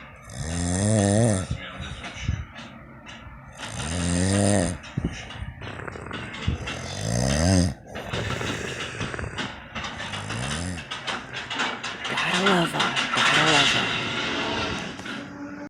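Loud, harsh, rumbling snores every few seconds, each with a throaty rattle, some with a grunting catch; heavy snoring.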